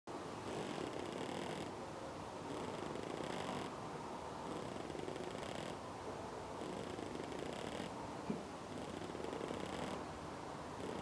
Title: Snoring pigeon